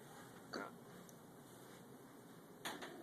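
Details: Hiccups recorded in a hotel on an Android phone: two brief, abrupt voiced catches about two seconds apart against quiet room noise.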